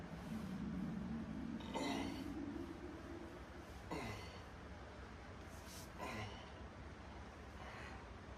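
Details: Hunger stomach growling: low gurgling rumbles and squeaky bubbling over a quiet background.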